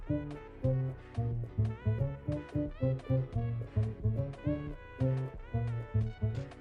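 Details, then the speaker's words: Simulation of severe hearing loss, part of a progression from normal through mild and moderate to severe: quiet, muffled swing jazz with deep brass and bass. "Una pérdida auditiva severa podría escucharse así."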